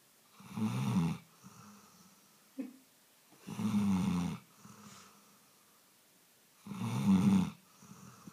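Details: Labrador dog snoring while asleep: regular rumbling snores on each inhale, about 19 a minute, with softer exhale sounds between.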